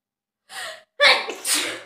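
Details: Quick gasping intake followed by one loud, explosive sneeze: a self-induced sneeze from a self-sneezing challenge of 30 sneezes.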